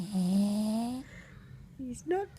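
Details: Sleeping pugalier (short-nosed pug cross): drawn-out whistling, rumbling snore followed by short snorts; snoring.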